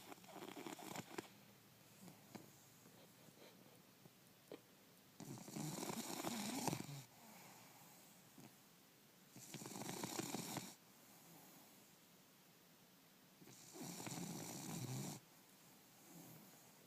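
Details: Sleeping bulldog: loud rattling snores about every four seconds with quieter breathing between them, typical of a flat-faced dog; snoring.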